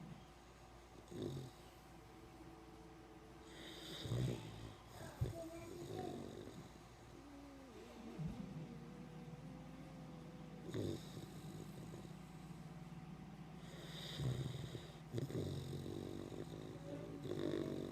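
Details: Loud, irregular, rough, fluttering snorts and whistling noises during sleep breathing, with some room noise: snoring.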